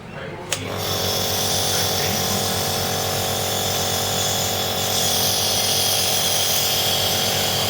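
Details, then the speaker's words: A Philips Respironics compressor nebulizer with mouthpiece attached, used for asthma or COPD medication, is switched on: a click, then a steady loud motor buzz with a constant hum; compressor nebulizer running. "what I'll do right now is I'll attach the the mouth piece now I will turn the nebulizer on"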